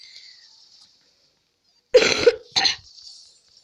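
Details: Two short, dry coughs close together in a quiet room from a person who is ill, recorded while playing a video game.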